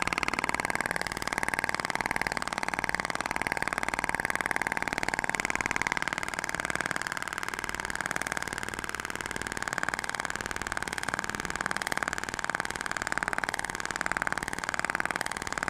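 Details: IBRAMED Thork shock wave therapy applicator firing during an aesthetic treatment demonstration: steady mechanical ticking about two pulses a second over a constant motor hum.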